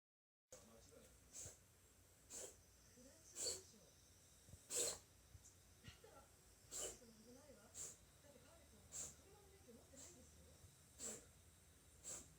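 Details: Cat's repeated short snorting breaths about once a second; the owner first suspected a hairball or cough, but a vet visit found reverse sneezing.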